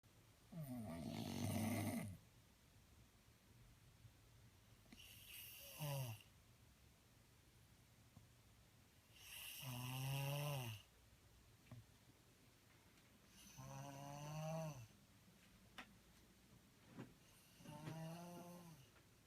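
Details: Rhythmic, rattling, pitched snores, about 5 in 19 seconds, with quiet breaths between, from Gio sleeping with eyes open in a small room.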